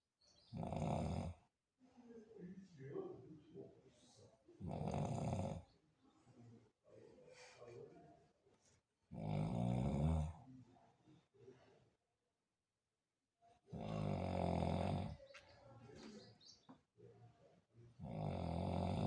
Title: Roncando